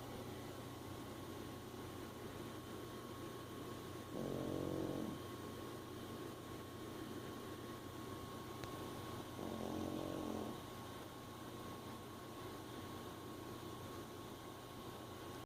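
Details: Two soft, fluttering snores about five seconds apart over a steady background hum, quiet snoring.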